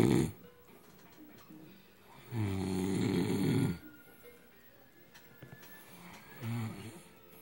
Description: My man drinks alot of alcohol, so he goes to sleep... he snores very loudly and at times is UNBEARABLE!!!!